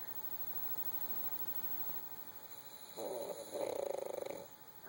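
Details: Sleeping female puppy snoring: two short fluttering, rattly snores, the second longer and buzzing, over quiet room hiss; not as loud as she gets.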